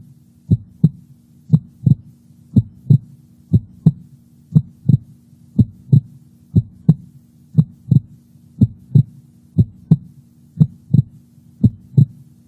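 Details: Normal heart sounds recorded by a heart sound recorder microphone over the valve areas: steady regular paired lub-dub at about 60 beats a minute over a faint low hum.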